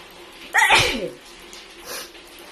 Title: filipino wide nose sneezes 👍‼️